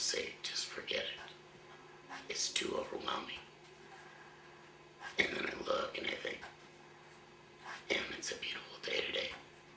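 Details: 53-year-old man, one year after total laryngectomy for throat cancer, speaking via a voice prosthesis placed two months ago with a hands-free device, after about 10 months using an electrolarynx; tracheoesophageal speech after total laryngectomy.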